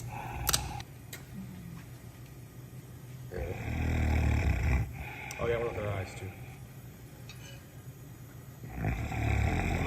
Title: Sedated Bear Snores During Pedicure at Wildlife Sanctuary